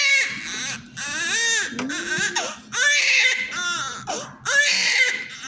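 Loud, high-pitched newborn crying in repeated wails with brief catch breaths between them; a vigorous cry just after birth.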